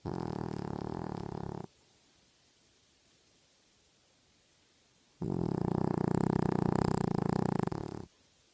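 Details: Pet named Tibby snoring while asleep: two long, low, fluttering rattly breaths separated by a quiet pause; snoring.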